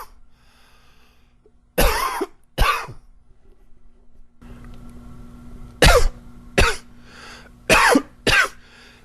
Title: coughing 23